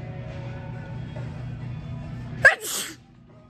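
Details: Single sharp sneeze from a woman in a grocery store, over soft store background music and murmur.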